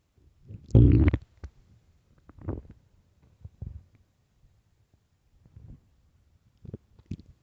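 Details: Early-morning stomach growls: low gurgling rumbles and bubbling pops at irregular intervals; normal bowel sounds (borborygmi).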